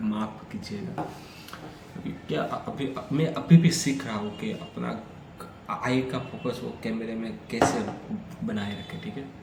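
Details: Adult man with stammering, speaking continuously for about 10 minutes as reading and storytelling practice on day 3 of a daily fluency routine that includes breathing and relaxation exercises; stammering.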